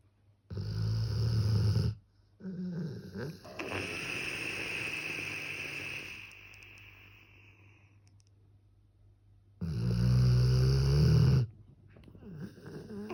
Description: Funny puppy snoring